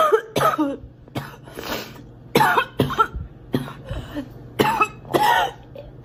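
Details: Acted coughing by a girl: repeated short, irregular coughs, about seven bursts in six seconds, some paired.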